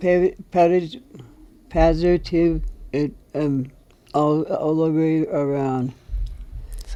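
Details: Aphasia in a male veteran who belongs to an aphasia group; recorded speaking in an interview.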